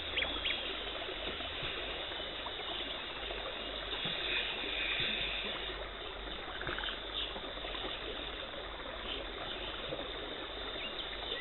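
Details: Dental hygienist performing a professional teeth cleaning, removing tartar and plaque, no talking: steady hissing spray and gurgling suction with faint high scaler whine; dental cleaning instruments.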